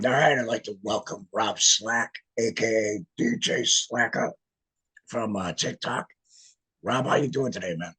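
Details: Man who is a laryngectomee, speaking with an electrolarynx; electrolarynx speech.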